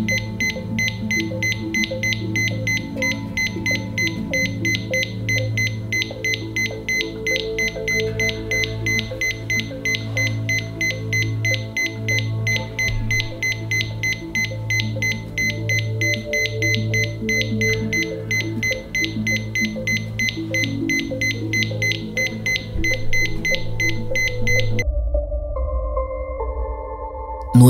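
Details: Cardiac monitor alarm beeping fast and steady near 190 a minute during rapid ventricular tachycardia rhythm.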